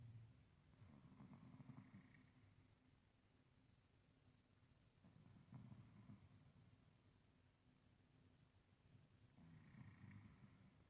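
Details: Old male cat asleep, snoring softly with fluttering snores recurring about every four seconds over faint hiss.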